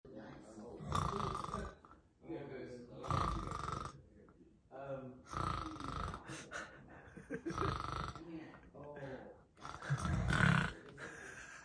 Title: Sleeping soundly, oh so serene, except for added snoring by dad in the corner! 😅🤣😂